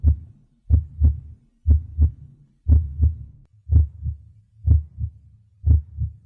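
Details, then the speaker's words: Simulated virtual-patient heart sounds auscultated at the standard foci, ending at the mitral focus (left midclavicular line, fifth intercostal space): regular two-beat rhythm, normal-intensity lub-dub at about 60 beats a minute; normal heart sounds. "Então esse paciente aqui ele tá totalmente normal certo ele tá com ritmo cardíaco regular em dois tempos e com bulhas normofonéticas e a frequência cardíaca dele tá OK"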